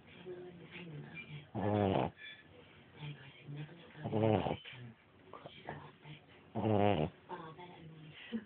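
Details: Snoring during sleep: loud, rhythmic rattling snores roughly every two and a half seconds, about 24 a minute, with softer breathing between them.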